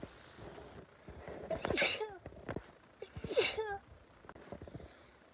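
Two sneezes about a second and a half apart, each a quick intake then a sharp hissing burst.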